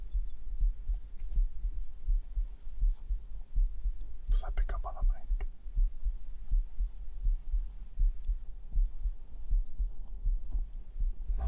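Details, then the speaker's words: Normal heartbeat: regular low thumps at about 80 a minute, with a brief murmur of quiet voice. "it's like hearing how solid your heartbeat is. Can let you put my anxiety out for a bit."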